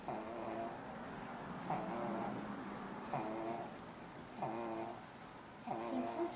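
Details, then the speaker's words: Early-morning snoring in a baby, said to be not fully developed yet so she doesn't breathe easily: soft, repeated snores of about one a second or faster, each a brief rattling breath, over steady room noise. "It's really early in the morning, and is snoring because she's not fully developed yet, so she doesn't breathe really easy."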